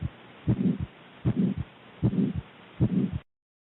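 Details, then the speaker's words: Severe aortic stenosis: four heartbeats with a loud, harsh systolic murmur filling much of each cycle. "their character is often described as vibratory which the s2 is quieter here is an early a optic stenosis and here is more severe aortic stenosis"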